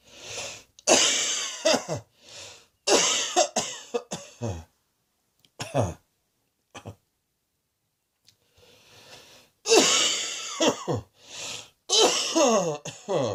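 Repeated bursts of harsh coughing in short clusters with pauses between, some with throat clearing; an ordinary repeated cough.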